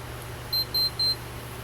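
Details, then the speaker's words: Infinity Enteralite enteral feeding pump, run finished: three short high-pitched beeps over a low hum, the alarm signalling no food left in the feed. "When you're all finished, it'll tell you there's no food."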